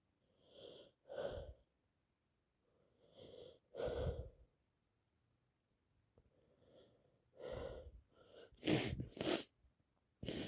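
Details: An adult who caught a cold from their boss sneezes repeatedly, about five sneezes in ten seconds, each a breathy intake then a sharp burst, with sniffing between.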